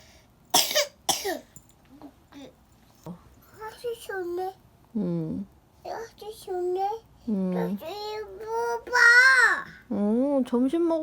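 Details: Two quick coughs, then babbling and chatter in a small room, from a 22-month-old boy with a cold who is snotty but energetic and taking cough syrup; cough with a cold.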